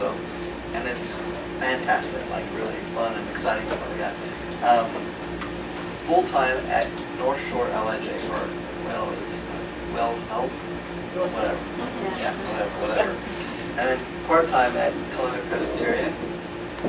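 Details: Male former paramedic with aphasia after a stroke; he understands Hebrew and English but since the stroke cannot speak, read or write Hebrew; receiving speech therapy; aphasia.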